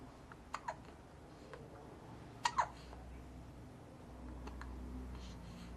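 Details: Newborn boy about 2 weeks old: soft, quick hiccup catches in pairs, four in all, over faint room noise.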